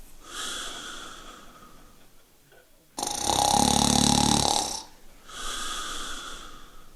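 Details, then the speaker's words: Loud, rough, rattling snore between quieter noisy breaths, an audio recording played during a pulmonologist's talk on sleep apnea. Snoring with obstructive sleep apnea. "Okay. Good. Okay. Have you heard that sound? All right. You can stop there now. I think we've probably enough. Okay. What is sleep apnea? Sleep apnea is a common condition where people stop breathing at night."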